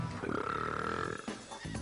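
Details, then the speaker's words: Man burping deliberately at a restaurant brunch buffet on hidden camera: a long, loud, rumbling belch lasting about a second, then quieter noise and a short second belch. "fast reaktionslos ertragen die jungen leute pauls gigantisches aufstoßen"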